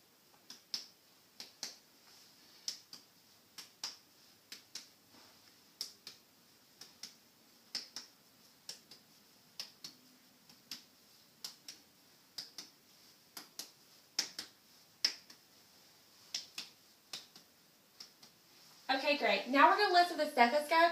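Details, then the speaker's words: Steady run of about 30 light finger taps over the posterior chest during a heart and lung assessment, followed by rustling; chest percussion. "it should tap in my hands be just a little tap that you'll feel"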